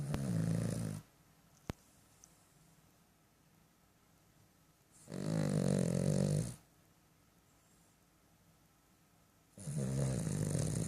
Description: Cavalier King Charles Puppy Snoring!